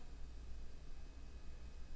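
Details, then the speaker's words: Stethoscope auscultation over the abdominal aorta of a supine person during a physical assessment, after normal active bowel sounds in all four quadrants: only a low steady rumble, no whooshing; no abdominal aortic bruit. A voice begins at the end. "with the aorta. And we hear no bruit."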